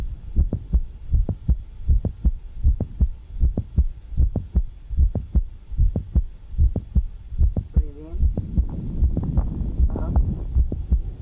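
Regular heartbeat near 76 a minute with a sharp extra click in systole, shifting with squatting; mid-systolic click of mitral valve prolapse. Faint background music.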